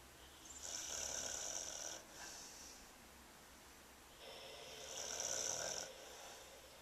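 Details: Snoring: two hissing, whistly breaths with a softer rasping sound between them, about four seconds apart, giving a high, airy snore.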